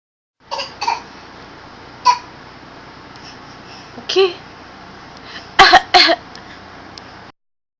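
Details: A 7-month-old infant gives a series of short, soft coughs, ending with two louder, harsher ones.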